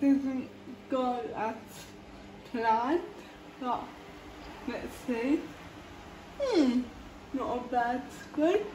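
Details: Female speaker with cerebral palsy, talking while feeding herself with a Neater Eater eating aid; dysarthria (cerebral palsy), inferred from her condition rather than stated.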